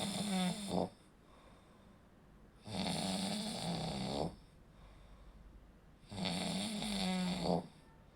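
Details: Snoring during sleep: three rattling, buzzy inhaled snores with quiet gaps, about 20 breaths a minute, from throat tissue vibrating as airflow is partially blocked.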